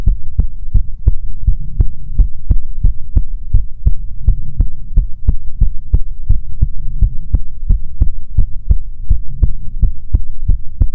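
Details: Steady, regular low heartbeat thumps at about 108 beats a minute under a constant hum, picked up through the chest; soothing ASMR heartbeat recording.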